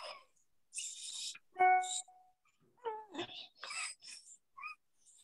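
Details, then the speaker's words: Child with upper airway obstruction: harsh, high-pitched, musical stridor as air works through the obstructed upper airway, unlike lower-airway wheeze; intercostal and supracostal retractions and nasal flaring noted. "You can hear air trying to work its way through that obstructed upper airway. Very different from wheezing, which is tightening in the lower airways."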